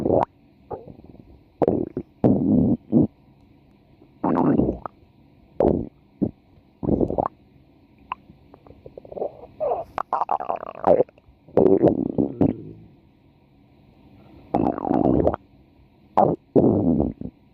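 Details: Woman's stomach growling, recorded for about four minutes: repeated gurgling, rumbling bursts with quiet gaps, from gas and fluid moving through the gut. Normal bowel sounds (borborygmi).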